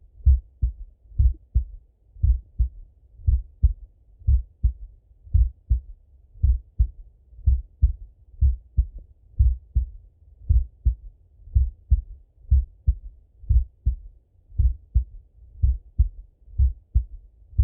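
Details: Male heartbeat by stethoscope during full heart auscultation, recorded either sitting at a desk or lying in bed: regular, crisp lub-dub beats at about 58 a minute without extra noises; normal heart sounds.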